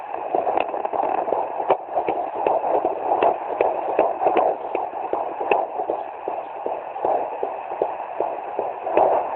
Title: 17 weeks fetal doppler